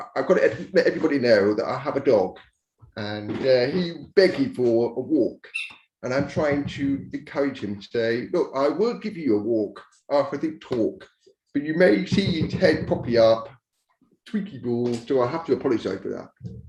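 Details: Adult man born deaf who learned to speak rather than sign, now using a cochlear implant after years of hearing aids; he says his speech is not perfect and automatic captions sometimes mishear it; deaf speech.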